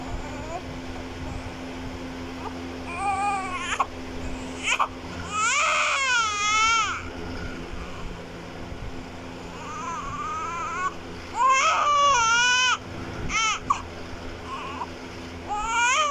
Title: Crying newborn Baby Child Sound Effect 2024 || Cute baby Video 2024